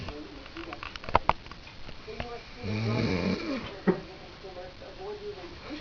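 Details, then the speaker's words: Drunk man passed out asleep after saying he would stay up so his snoring wouldn't keep others up: a short, rattling snore on an in-breath amid room noise, clicks and quiet talk. "He said he would not go to sleep because he doesn't want to snore and keep other people up."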